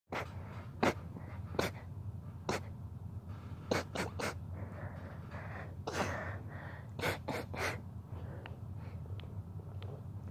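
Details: Rapid sneezing fit: about ten sharp, rapid sneezes in quick succession, some in tight clusters, over a low background rumble.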